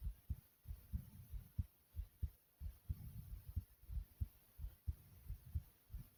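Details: Deep thumping heartbeats, slightly fast at roughly 90 to 100 a minute, heard after jumping in place; a fast heartbeat after exercise.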